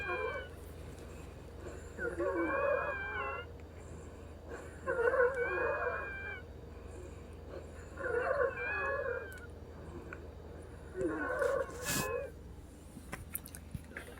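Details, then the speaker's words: Four long, high-pitched musical wheezes with each breath, about 21 breaths a minute, in a quiet room; patient wheezing again about three hours after a Brovana and Pulmicort breathing treatment, lungs sounding stuffy. "You can hear the kind of like the lung is stuffy, huh?"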